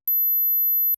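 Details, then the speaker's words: Simulation of the speaker's own permanent tonal tinnitus: a steady, very high-pitched constant pure tone. It is present 24/7 and worse when he is tired, stressed, ill or in quiet, such as lying in bed at night. "Si vous avez déjà été sur cette chaîne, vous saurez que je souffre moi aussi personnellement d'acouphènes permanents et que j'ai ma propre façon d'y faire face. Le mien est un ton constant aigu, qui sonne un peu comme ça."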